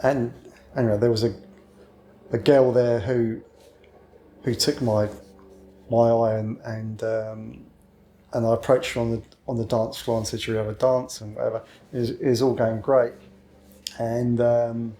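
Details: Adult man who has stammered since childhood, calls it a minor speech problem and habitually covers it up; stuttering.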